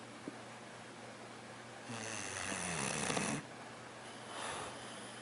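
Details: English Bulldog in a deep sleep snoring: one long, raspy, fluttering snore and a fainter second breath over steady room hiss; snoring.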